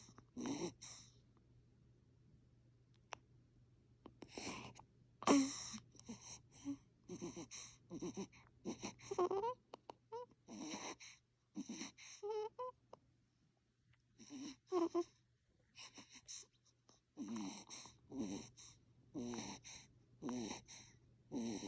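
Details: Sleeping infant snoring with short, irregular snorting and snuffling noises while breathing.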